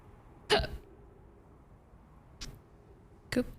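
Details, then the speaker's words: Three short, sudden gulping catches over about three seconds with quiet room noise between, during a live gaming stream; hiccups. "Hiccups. I can hear it."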